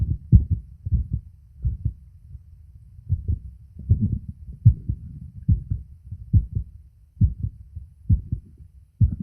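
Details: Normal adult male heart sounds recorded on a phone microphone at the chest auscultation points, with a few pushes at the end; sound quality is limited.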